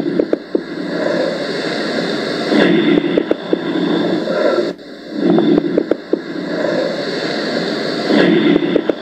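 Breath sounds with low, bubbling crackles over each breath, typical coarse crackles from fluid in the airways.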